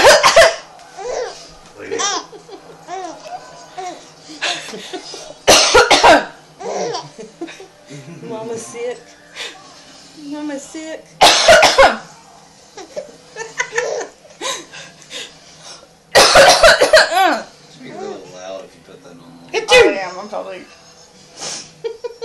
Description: realized that my cough made him laugh so i kept fake coughing.